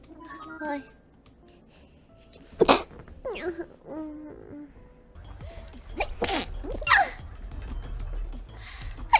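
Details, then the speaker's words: Two or three sharp, explosive sneezes among light speech with faint music, followed by a spoken Japanese apology for sneezing. "くしゃみ。すいませんね、出てしまいました。"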